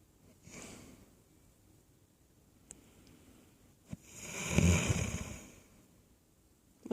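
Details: Rough, low, fluttering snore after quiet breathing, with faint room noise and clicks: snoring.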